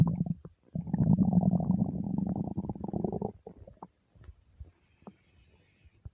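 Loud, drawn-out gurgling rumble from the belly, then a few softer gurgles: normal bowel sounds of an empty stomach.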